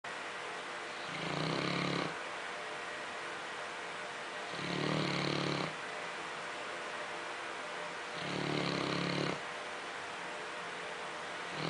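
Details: Dog snoring: three loud, regular rattling snores about four seconds apart, roughly 15 breaths a minute, over a steady background hum. Snoring.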